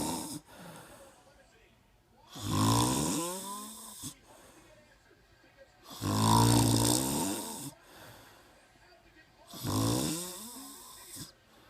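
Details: Person snoring; three loud, rough, rattling snores on the in-breath, roughly 17 a minute, with quiet pauses between them; snoring.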